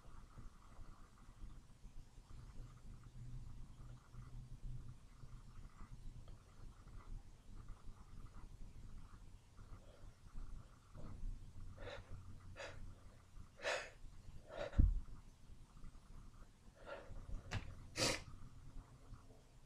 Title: Wet sneezes.